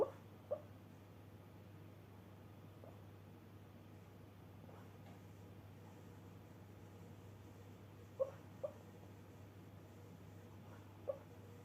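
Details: Quiet, sharp hiccup clicks, some in quick pairs, from a dog hiccuping in its sleep, over a steady low room hum.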